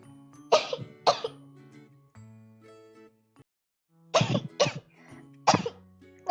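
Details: Five short, dry coughs and throat-clears in two groups from an Indonesian female VTuber during her first livestream while gaming, over quiet background music.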